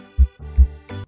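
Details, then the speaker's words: Normal heart sounds: two soft, low thumps in lub-dub pattern over background music; S1 (lub) from closure of mitral and tricuspid valves, S2 (dub) from closure of aortic and pulmonary semilunar valves. "Suara jantung pertama S1 loop berasal dari penutupan katup atrioventrikular, mitral, dan trikuspit. Sedangkan suara kedua S2 dep berasal dari penutupan katup semi lunar, aorta dan pulmonal."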